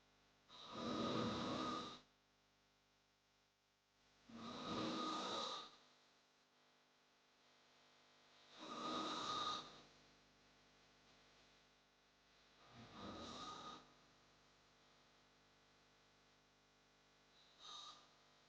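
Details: Snoring sound effect: loud, rough hard snores on each breath in, about four over eighteen seconds, with quiet pauses between.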